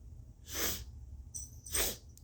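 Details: Two sharp, airy sneezes through nose and mouth with a sniff between, deliberately induced with turmeric and nostril tickling in a very congested nose; turmeric also burning inside the nose.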